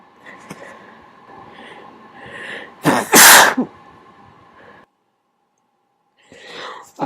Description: More induced sneezes, this time trying to make them a little quieter by covering them with my hands.